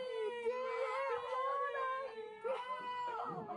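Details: High-pitched, wavering newborn cries in short bursts with soft whimpers between, just after a mother's fifth natural birth; healthy first cry.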